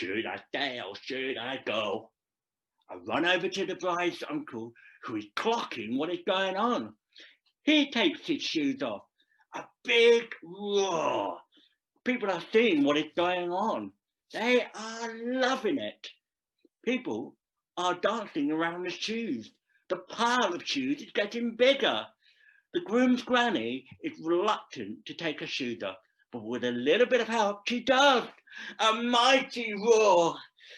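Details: Deaf speech from a Deaf adult male actor performing a script about a profoundly deaf man who speaks.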